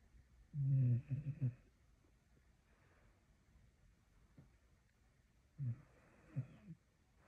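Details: Low, rough rattling snores in short bursts with quiet pauses from a sleeping Staffordshire Bull Terrier, said to sound like a chainsaw; snoring.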